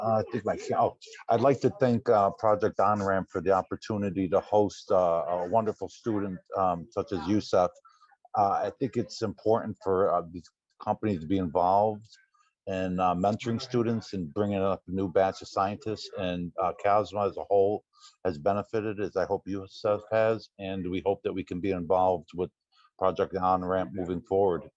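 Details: Adult male speaker; normal speech.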